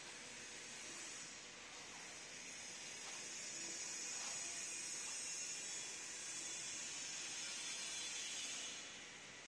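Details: Steady high hiss with faint bubbling from an automatic ultrasonic cleaning bath for surgical instruments.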